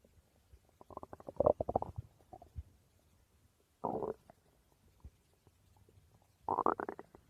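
Gurgling, bubbling rumbles in three bursts separated by quiet; ordinary stomach growling from gas and fluid moving through the gut.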